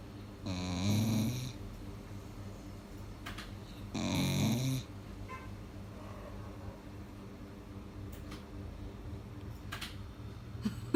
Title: my dog Snoring like thunder